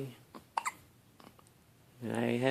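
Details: Short, soft catching sounds in a one-week-old baby, followed by a brief fussy vocal sound; newborn hiccups.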